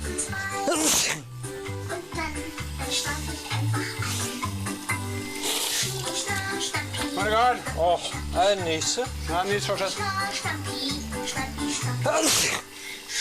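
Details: Adult man on Big Brother Sweden/Norway 2006, drunk, sneezes: a few sharp sneeze bursts partly masked by loud background music and some speech.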